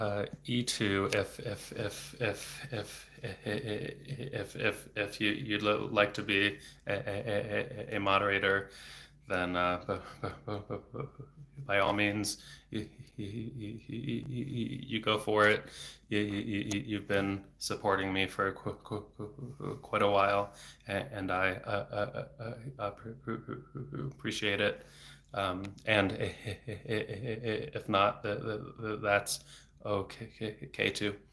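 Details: Adult man who has stuttered since age eight, about 26 years, with speech therapy off and on until his early 20s; no fluency strategies used here; frequent repetitions and blocks felt as throat tension; stuttering.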